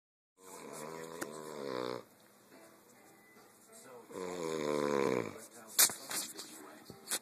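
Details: Person snoring: two long, loud, buzzing snores with a fluttering tone, separated by quiet breathing; loud snoring.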